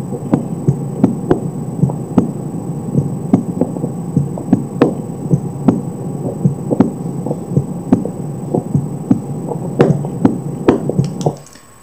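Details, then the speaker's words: Normal heart sounds at the mitral focus (apex), possibly with the patient lying on the left side: regular, crisp, well-separated first and second sounds, no third sound, some background noise. Real or simulated not stated. "e segundo são bem individualizados sem terceiro sol algum ruído G1"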